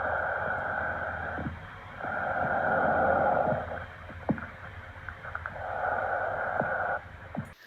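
Loud, hollow, tubular breathing with a clear pause between phases: bronchial breath sounds, a normal finding over the trachea.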